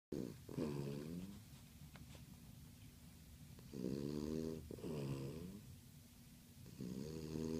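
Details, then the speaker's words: Sleeping pet wearing a thunder shirt: rhythmic, tonal, buzzing snores with quieter breaths between; fluttering, vibrating snoring during sleep. "Snoring no fun."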